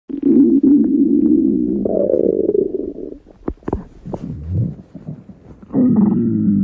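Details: Stomach growl: long, low gurgling growls with shifting pitch, then bubbling, ordinary bowel sounds (borborygmi).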